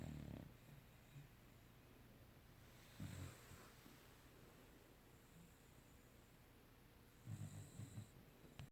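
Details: Sleeping dog snores in low, rumbling bursts roughly every three to four seconds: snoring.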